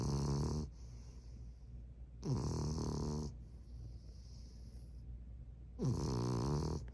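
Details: A French bulldog puppy snoring while asleep: three loud, low, rattling snores on the in-breath, spaced by quieter out-breaths.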